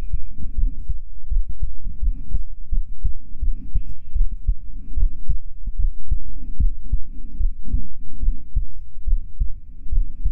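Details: Binaural ASMR sleep-aid heartbeat, roleplayed as lying on a boyfriend's chest: steady, deep lub-dub heartbeats at a calm resting pace of about 70 a minute, regular rhythm.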